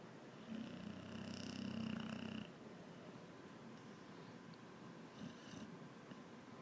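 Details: Very big boxer dog snoring loudly during the day: one loud, low, rattling snore over a steady background hiss, then quieter breathing; snoring.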